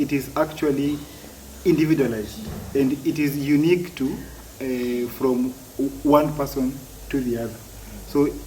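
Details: Adult man who has stammered since childhood, for as long as he can remember; stuttering.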